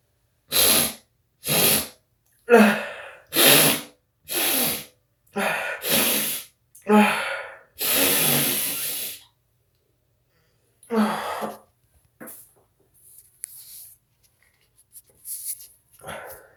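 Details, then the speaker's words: Adult with fall seasonal allergies, in a bathroom: about eight forceful sneezes in quick succession, then quieter breaths and sniffs; repeated allergic sneezing. "I'm gonna sneeze. I'm gonna sneeze. I'm gonna sneeze."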